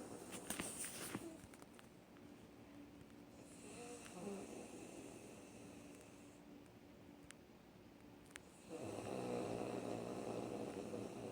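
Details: A woman, the recorder's mother, snoring during sleep: soft, low rattling breaths in a quiet room, rising to a louder rough snore near the end.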